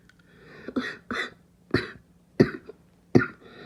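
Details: Five harsh, abrupt coughs in quick succession from a child, with a hoarse, seal-like barking quality: a barking cough.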